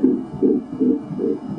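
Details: 16-week ultrasound of a female fetus: rapid rhythmic whooshing pulses at about 150 a minute; fetal heartbeat heard on ultrasound Doppler.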